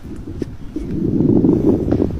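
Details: A doctor auscultating with a stethoscope demonstrates a smoker's lung: a rough, rustling breath sound with scattered clicks, abnormal breath sounds.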